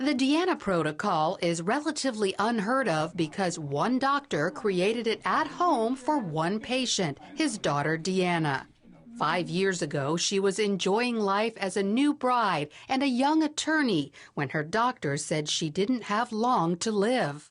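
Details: Adult woman, news narrator; Normal speech.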